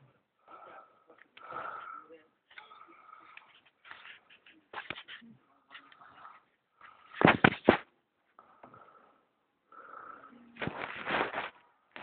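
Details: Adult male (boyfriend) snoring during sleep: irregular breathing noises with a thin whistling tone and a few louder, rough snorts; snoring with whistling.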